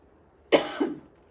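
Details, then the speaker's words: An adult speaker gives a single abrupt cough with a sharp burst and softer trailing phase while reading a question aloud; she says it's an allergy day and she has suddenly lost her voice. "how if at all excuse me it's an allergy day how if at all should our relationships with these people change"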